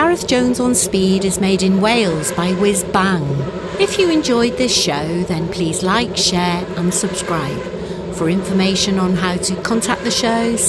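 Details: Adult announcer; normal voice.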